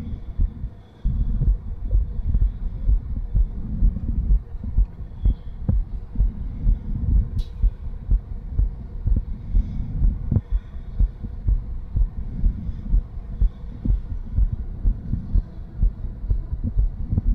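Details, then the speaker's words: Woman with lipoedema and a diastolic murmur, auscultated after exercise: fast heartbeat near 125 a minute, the whooshing murmur much more noticeable and blurring the separate lub-dub heart sounds. "so it sounds it actually sounded quite different because you've actually noticed the murmur a lot more so rather than listening to the actual definite Bom Bom Bom you hear a lot more"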